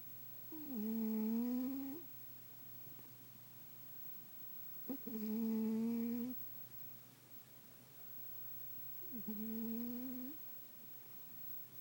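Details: Sleeping cat snoring: three drawn-out, humming, tonal snores, about 14 breaths a minute, with quiet pauses between them.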